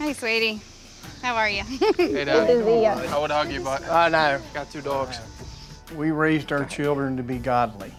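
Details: Adult speaker, possibly more than one voice; normal speech.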